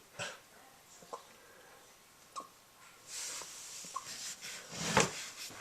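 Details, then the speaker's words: Puppy hiccups: small, brief catching sounds about a second apart, with rustling and a person's voice nearby. "what are you doing? Got the hiccups?"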